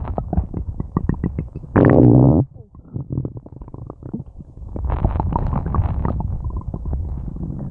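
Low gurgling and groaning rumbles with a loud squeaky gurgle; active bowel sounds of digestion, harmless.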